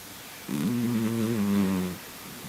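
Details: Female cat asleep and snoring very heavily: one drawn-out, buzzing, tonal snore lasting about a second and a half; cat snoring.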